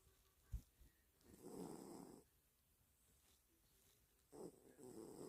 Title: cat snoring